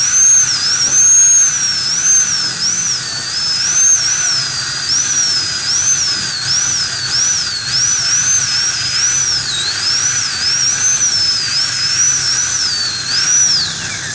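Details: High-speed dental drill during tooth core preparation with a gingival protector: a steady high-pitched whine dipping and rising as it cuts, over background hiss.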